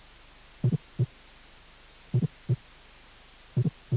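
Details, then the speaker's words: Fourth heart sound (S4). "y cuarto ruido"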